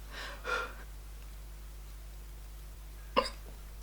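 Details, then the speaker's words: Adult with hiccups while talking during a makeup tutorial. "I have the hiccup sorry if you can hear"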